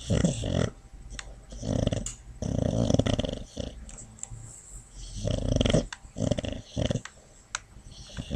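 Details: Snoring and dreaming sounds from Tasha, a Boxer rescue dog in foster care, asleep on her foster sister's lap; she is heartworm-treated and has an injured knee on antibiotics. Snoring.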